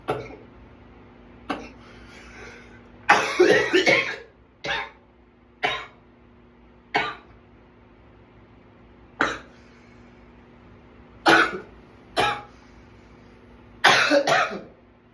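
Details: Runaway coughing attack: about a dozen harsh, irregular coughs over fifteen seconds, some in quick clusters; a prolonged coughing fit.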